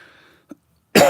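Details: A single sudden, harsh cough bursts out after near silence and a faint hum, cut off at the end, from a person who feels lethargic; a persistent post-COVID cough.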